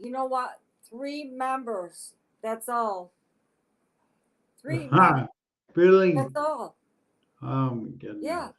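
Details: Adult woman with aphasia since a stroke on August 10, 2014, at age 52; it affects her speech expression but not her intelligence; aphasia.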